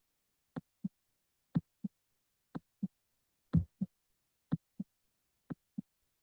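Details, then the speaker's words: Steady lub-dub at about 60 beats per minute, a normal S1 followed by S2 (semilunar valve closure), played in a cardiac auscultation teaching lecture. "And the way that it sounds is literally lub dub, lub dub, lub dub."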